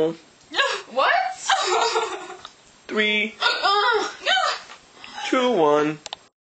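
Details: Vocal sounds broken by sharp, sudden hiccup catches of breath amid laughter; person with hiccups.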